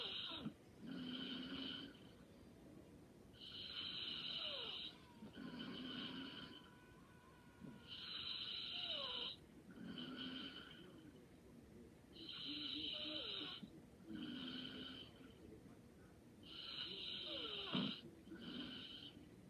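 Soft, steady snoring on each breath in and out, about 14 breaths a minute, with a faint background hum.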